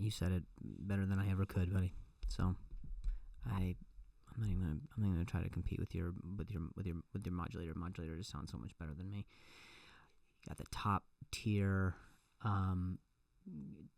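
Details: Adult male comedian who stutters and says it has gotten a lot better over the years; clip has repeated words and phrases; stuttering.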